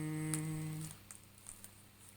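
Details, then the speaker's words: Nebulizer compressor test-run after loading medication or aquabidest, before use on a child in a nursing practical: steady mechanical hum stopping after about a second, then quiet room noise with small taps. "Sini kita pakai alat namanya nebulizer. Nah, nanti kita akan masukkan obat atau cairan aquabides ke dalam sini."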